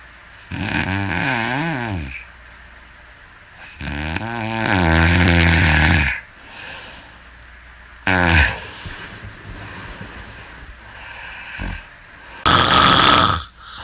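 Loud, rough snores with a wavering, buzzing tone, each lasting one to two seconds, with quieter breaths between them during sleep.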